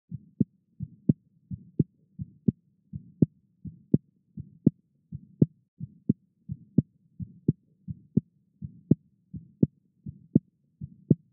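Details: Regular heartbeat about 100 a minute with a sharp, crisp click each cycle, recorded with a Thinklabs One digital stethoscope in a 16-year-old with a prosthetic aortic valve; prosthetic aortic valve sounds.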